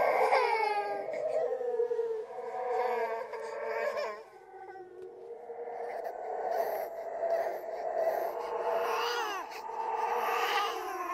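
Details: Simulated crying baby from a horror sound-effect compilation of ghost baby crying and laughing, recorded alongside other creepy sounds: repeated whimpering and wailing cries layered over each other; infant cry.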